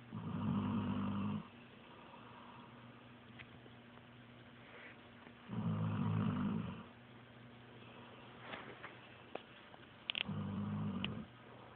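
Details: Loud, low rumbling snores from a sleeping Pitbull dog, three in about twelve seconds, with quiet pauses between: typical snoring.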